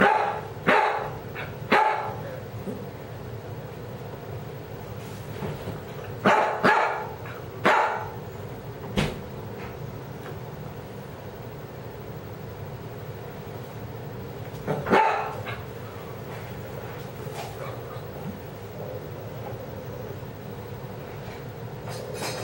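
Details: Female dog on vinblastine chemotherapy, wheeze starting last week after treatment began, only when barking: short bark bursts each carrying a thin whistling wheeze.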